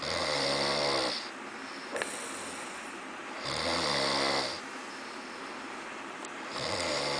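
Loud, harsh snores on each breath, about 18 a minute, with a rattling tone and an audible exhale between them; heavy snoring.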